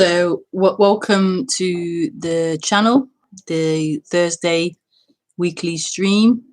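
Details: Woman who says she stutters, speaking during a live broadcast; stuttering.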